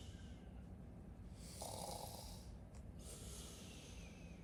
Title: loud snores 3